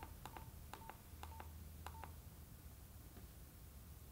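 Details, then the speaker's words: corpuls1 transcutaneous pacing for bradycardic arrhythmia, intensity gradually raised until each pacing spike is followed by a QRS (electrical capture): short, repeated beeps in quick pairs over faint room noise. "Meaning we gradually increase the intensity. As soon as I have changed this, the device automatically starts the therapy."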